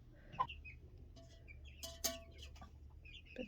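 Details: A sick hen being given antibiotics (metronidazole), soft clucks with a thin steady whistling tone and hissing bursts: wheezing, noisy breathing; she stretches her neck.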